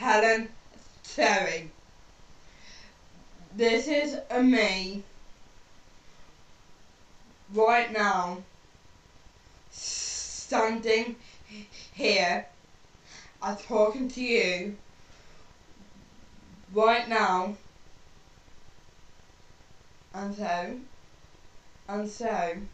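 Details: Stuttering (stammer) in a woman who stammers and is working on controlling it; her speech is slow and broken into short phrases with long pauses.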